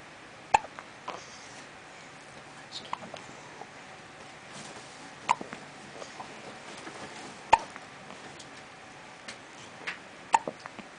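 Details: Baby with ongoing hiccups: soft, sharp hiccup clicks recur every two to three seconds, about five in eleven seconds, over quiet room noise.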